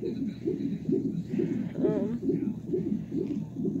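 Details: Rhythmic whooshing pulses from a fetal monitor during labour, about 133 beats a minute, a normal fetal heart rate, before a planned C-section for possible placental problems.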